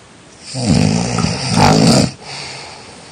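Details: Snoring during sleep: one loud, rough, rattling inspiratory snore fading into quieter breathing.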